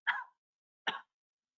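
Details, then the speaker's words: Speech-language pathologist imitating the weak, "puny" cough common in Parkinson's disease: two short, faint cough bursts too feeble to clear the airway. Weak cough. "we know we've got to work on that cough we've got to work on the sensation side we've got to work on the strength side a lot of people are gonna have kind of a puny cop but"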